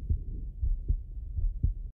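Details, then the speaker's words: Digital stethoscope (Eko CORE 500) at the aortic area, second right intercostal space at the sternal border, in a nursing physical-exam demonstration: low, regular lub-dub about 75 a minute; normal heart sounds. "let's first take a listen at the aortic valve located at the second intercostal space on the right sternal"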